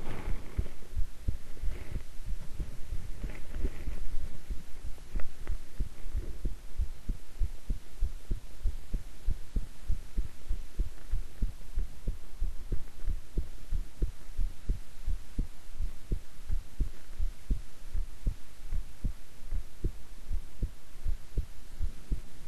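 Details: Own heartbeat recorded at length while keeping still and relaxed: steady, regular low thumps at about 70 beats a minute over a constant hum; calm resting heartbeat.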